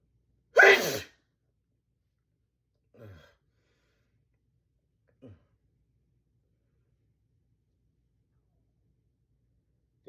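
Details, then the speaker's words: Person trying to hold back repeated sneezes: one sharp sneeze followed by a few soft gasping catches of breath as another sneeze is held back. "Oh god, I can't can't hold back. I got to sneeze."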